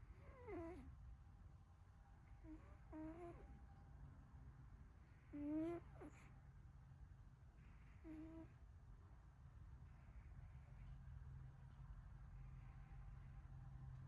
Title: Little snores:big dreams! #cat #prettycat #cute #catsnoring